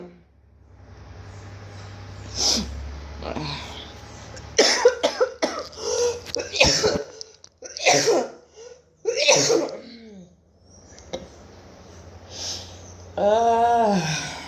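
Several harsh, forceful coughs in bursts with quiet breaths between, then a brief voiced sound; repeated coughing during a COVID-19 illness.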